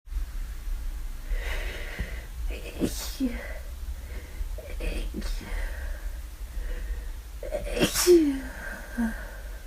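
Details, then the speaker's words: Flu caught from her boyfriend, constant nasal itch, sneezing repeatedly over about half an hour: repeated sneezes with voiced catches and sniffles against low room hum. "I just need to sneeze all the time."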